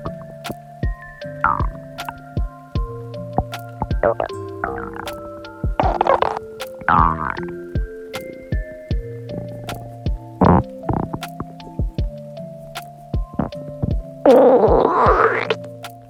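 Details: Woman wearing a swimsuit: bubbling, squelching stomach growling (borborygmi) coming in bursts over steady background music.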